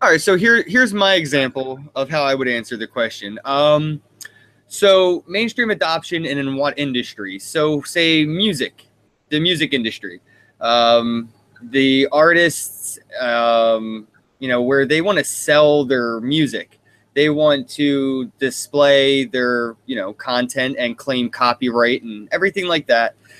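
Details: Adult male speaker; ordinary speech.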